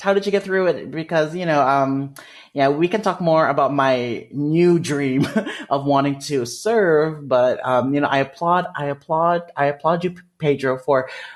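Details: Adult male with developmental stuttering, which he describes as a speech disfluency; stuttering.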